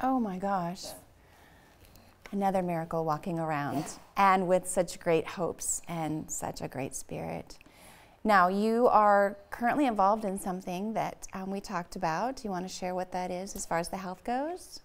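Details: Adult female speaker; ordinary speech.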